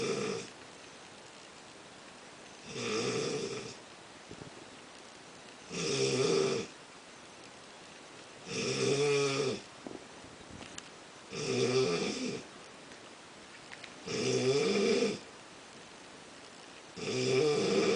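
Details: Person snoring habitually, said to be even louder in real life: regular rattling snores on each in-breath, about 21 a minute, with quiet pauses between.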